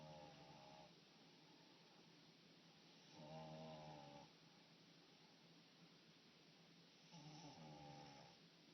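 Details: French Bulldog–Pug dog in deep sleep during a mid-morning nap: soft nasal snores on each breath, about 15 a minute, over steady room hiss.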